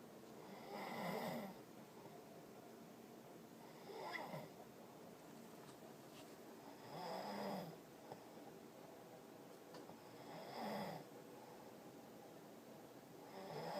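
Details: Snoring: regular rattling snores with each breath, about 19 a minute, over quiet room noise.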